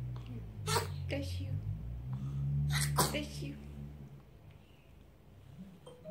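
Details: Baby sneezing: two quick, small sneezes, with soft voices in the room.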